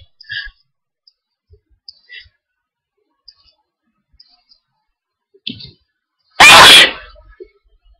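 A few quick breaths in, then a single loud, explosive sneeze, linked to hay fever.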